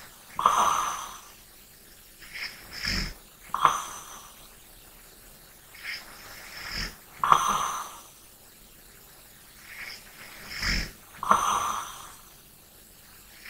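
Slow breathing at about 15 breaths a minute with soft snorting, whistling snores on some breaths during sleep.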